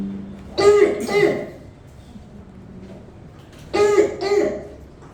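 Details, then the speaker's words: Child with croup: two pairs of harsh, barking, seal-like coughs, the characteristic croup cough, which the speaker also calls stridor. "Esa es la tos perruna. Es estridor."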